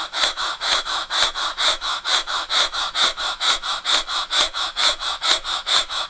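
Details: Sound-effect recording of an anesthesia machine breathing circuit: fast, even hissing puffs, about 130 a minute.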